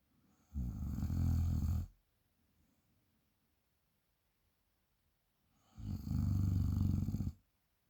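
Two deep, loud, rumbling snores about five seconds apart with quiet breathing between; heavy snoring.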